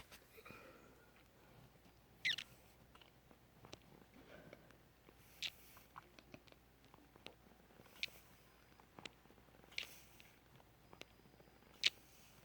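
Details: Left ear popping: soft, sharp clicks and pops at irregular intervals, about six over twelve seconds, in a quiet room; Eustachian tube clicking.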